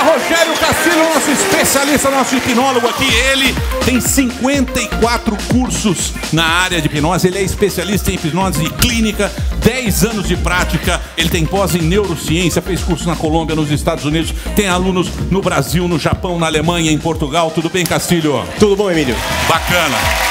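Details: Adult speaker (host); normal speech.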